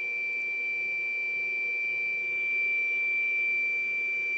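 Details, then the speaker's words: Non-invasive blower-based CPAP-BiPAP ventilator started in BiPAP mode after setting IPAP, EPAP, I:E, BPM and FiO2: steady high-pitched whine with soft whirring hum of the running blower. "after that the device will be started by pressing this rotary encoder here it says starting bypass and after that you can hear the noise of the blower"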